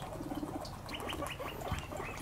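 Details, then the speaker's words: Guinea pig chattering its teeth in anger when put in with other guinea pigs: a rapid series of soft clicks and brief squeaky sounds. "なんか歯ぎしりの音が聞こえるなぁ蘭亭ちゃんがなんてちゃんの激しいしているのかなこれはラティちゃんが歯ぎしりしている珍しい"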